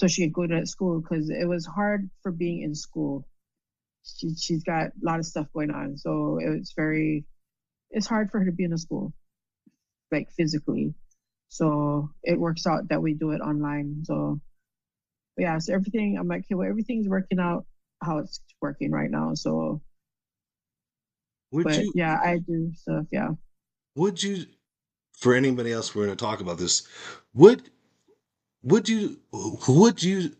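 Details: Woman with aphasia after a stroke, speaking in conversation; aphasia.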